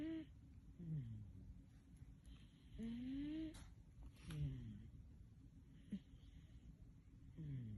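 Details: Sleeping cat snoring softly for 33.5 seconds, each breath carrying a whistling, squeaky tone that rises and falls over faint room hiss.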